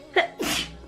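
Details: Woman who says she thinks she is getting a cold: a short intake of breath, then one sharp, hissing sneeze burst, an ordinary single sneeze.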